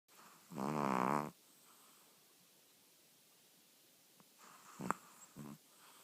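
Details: Old female chihuahua that sleeps with eyes open; her snoring grows louder through the night, like an old car starting. One loud, buzzing snore, then quieter snorting breaths; snoring.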